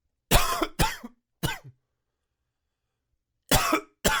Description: Forgot to take my allergy meds last night, so I woke up with this hacking little cough this morning.